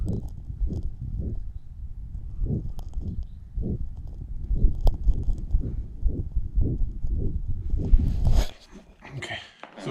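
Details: 7-month-old German Shepherd puppy with a grade 4/6 heart murmur, severe left ventricular outflow tract obstruction (peak gradient 164 mmHg, normally 16) and severe left ventricular thickening: fast regular heartbeat with a loud whooshing murmur filling each beat.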